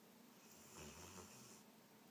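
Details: Snoring: a single soft, low rumbling breath with a faint airy hiss over steady background noise.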